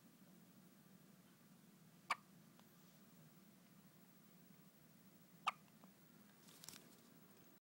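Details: First hiccups: two sharp, brief clicks a few seconds apart over quiet room hum; small hiccups.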